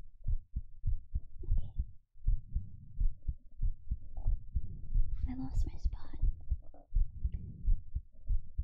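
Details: Heartbeat recorded with a 3Dio binaural microphone for ASMR; steady soft low thumps at about 90 beats a minute with faint whispery rustling midway; an ordinary heartbeat.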